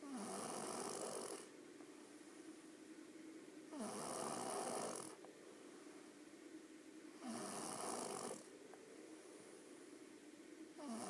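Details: Rhythmic rattling snores on each breath in, about four in eleven seconds with quiet exhalations between, in a small quiet room; ordinary snoring.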